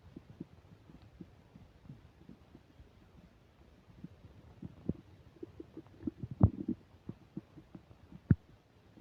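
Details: Upset digestion while eating a burger and fish fries, microphone close to the belly: faint irregular gurgles and pops with a few louder bursts; active bowel sounds (borborygmi) during digestion.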